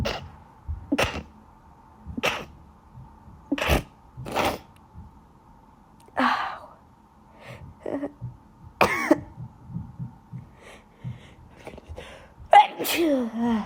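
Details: Run of repeated sharp sneezes and short throat-clearing bursts ending in a voiced exhalation, from a person sneezing all day from allergies, not sick, with an itchy nose; allergic sneezing.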